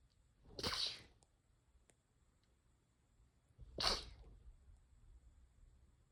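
Two separate hissing sneezes about three seconds apart, over quiet background. Ordinary sneezes.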